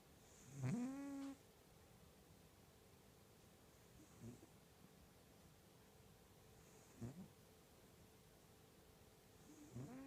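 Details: A cat snoring violently, with loud, forceful snores.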